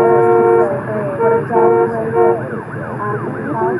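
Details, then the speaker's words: Simulation of normal hearing in multi-source noise: overlapping adult and child voices, running water, a running car, a lawn mower and a ringing phone blend into a busy mix, showing how hard the brain works to follow speech. "just to kind of show you even with normal hearing your brain has to work pretty hard to hear when there's more noise sources coming into the picture"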